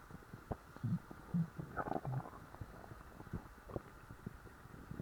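Low gurgling rumbles and bubbling pops from a full stomach: ordinary bowel sounds of digestion.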